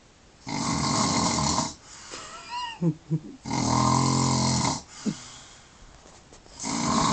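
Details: Adult man asleep at 1:22 a.m. after a night out, who says he doesn't snore: loud, harsh rattling snores on the in-breath with softer breathing and small snorts between.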